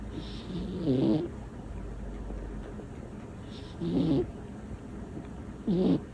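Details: Small female cat, sometimes a loud snorer: loud, throaty snores, three in six seconds, with quiet breathing between; snoring.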